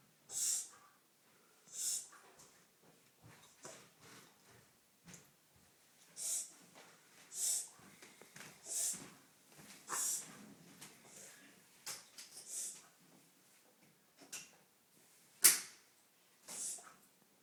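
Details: Dog making repeated harsh, hissing, snort-like breaths in an episode of wheezy, noisy breathing, often occurring after eating a rawhide treat but sometimes for no apparent reason.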